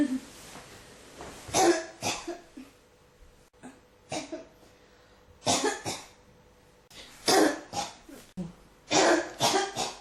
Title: 咳が止まらない 33 cough